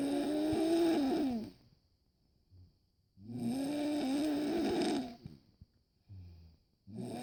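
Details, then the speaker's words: A man who denies snoring gives two long, loud, droning snores on inhaling, about three seconds apart, with quiet pauses. Ordinary snoring. "What? You're snoring, dude. No, I'm"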